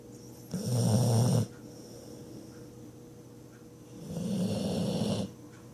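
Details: Bull-breed dog asleep on a person's lap, snoring: two long, low, rattling snores on the in-breath, separated by a quiet pause.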